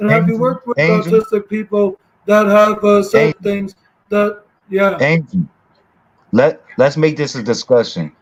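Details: Stuttering in a 32-year-old adult who reports lifelong autism, ADHD, bipolar mood disorder and seizure disorders.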